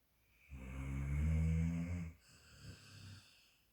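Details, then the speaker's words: Female dog asleep and said to be dreaming; one long, loud, low rumbling snore on inhalation, then a softer breath out; snoring. "She snores louder than my husband. She's dreaming."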